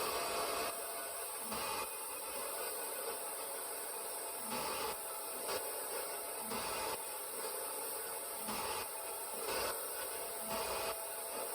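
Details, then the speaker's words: RespiraWorks ventilator test rig on 21% oxygen blower-driven room air, resistance 20 cmH2O/L/s, compliance 20 mL/cmH2O, at 20 then 30 breaths/min, reaching plateau pressure: steady blower hum with regular rushing pulses about every two seconds; ventilator cycling. "And you can see we're still hitting the plateau pressure here, even at 20 breaths per minute. We'll go up to 30."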